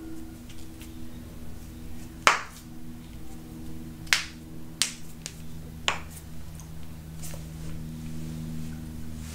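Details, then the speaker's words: About four sharp, loud pops from deliberately cracked finger joints over a steady hum; knuckle cracking. "i know you guys could hear that now my other side i know you guys can hear that too because that is loud"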